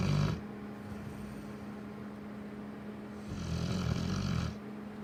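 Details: Lola, a Cane Corso dog, snoring.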